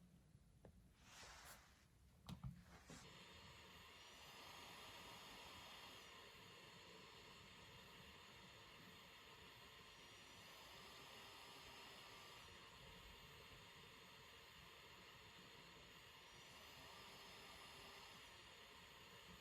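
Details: Travel CPAP machine: steady airy hiss of airflow with a few clicks at the start; CPAP machine airflow noise.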